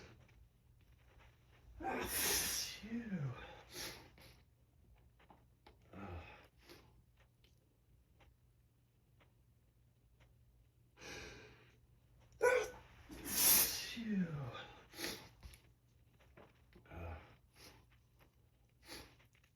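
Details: Morning allergic sneezing during heavy pollen season: two loud, forceful, full-body sneezes, each preceded by a sharp intake, then sniffs and breaths in a quiet room.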